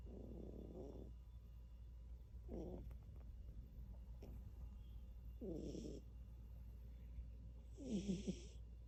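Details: Quiet, short, fluttering snores every one to two seconds over a steady hum from a sleeping cat: light snoring.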